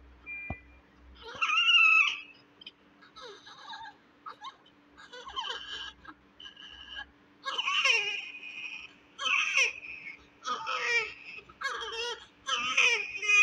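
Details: A premature, low-birth-weight (1.8 kg) newborn, born with abnormal secretions that were suctioned, gives thin, high-pitched cries in short bursts with whimpers between: a fairly strong newborn cry.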